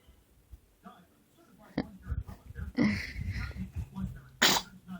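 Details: A baby gives a brief sneeze amid quiet room sounds, followed by an adult's soft "bless you": sneeze.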